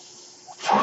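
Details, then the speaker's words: Mechanical ventilator noise heard while its user, an adult man, records a podcast: a faint steady background hiss swells into a loud rushing whoosh of air. "My name is, and that noise you're hearing is my ventilator."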